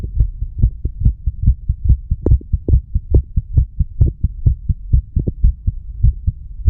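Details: Heartbeat of a 34-year-old male after smoking nicotine and "green stuff", recorded over the mitral area: steady, quick low thumps with a faint hum underneath.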